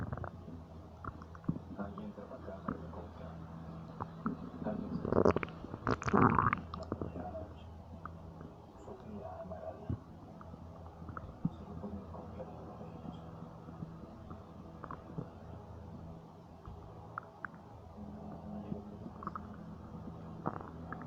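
Gurgling, bubbling abdominal rumbles with a louder burst midway, typical of ordinary stomach noises.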